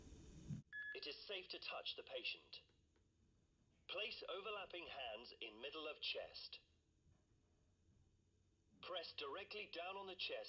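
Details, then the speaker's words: Voice prompts from a HeartSine samaritan PAD 350P semi-automatic defibrillator in CPR training: a synthetic voice guides the rescuer through CPR in short bursts separated by pauses, with a faint room hum. "the hearts on 350 P defibrillator has clear voice prompts to help you with your CPR"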